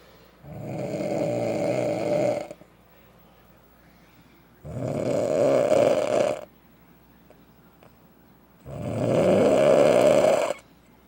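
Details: An adult man (husband) snoring loudly every night: three long, loud, rasping snores of about two seconds each, with quiet pauses between, roughly fourteen breaths a minute; heavy habitual snoring.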